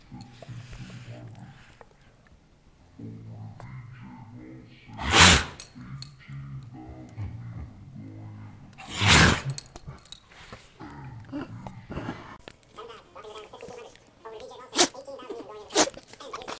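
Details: Dog sneezing: two sharp, explosive sneezes about four seconds apart over background talk.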